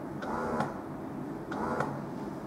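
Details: Autumnz Passion double electric breast pump running: steady motor hum with a rhythmic click-and-release suction cycle about every 1.2 seconds.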